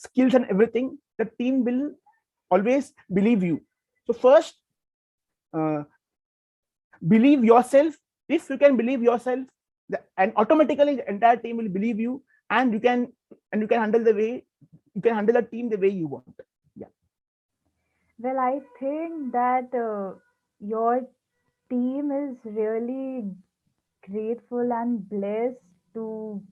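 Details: Stuttering in a person who stammers, introducing a guest in an interview series about people who stammer.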